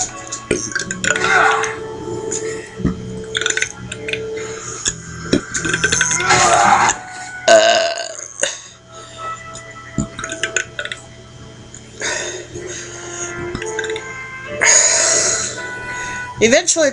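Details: Several loud, drawn-out burps over background music and some talk.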